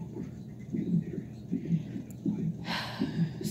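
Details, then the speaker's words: Fetal heart rate deceleration on a Doppler monitor during labor: a whooshing fetal heartbeat at about 80 beats per minute that slows during a maternal contraction, after which a C-section was planned; the baby was a boy. "that's my contraction and the top is my baby's heartbeat and you can see that it goes down and you can even hear it like because i'm having a contraction right now and you hear his heart"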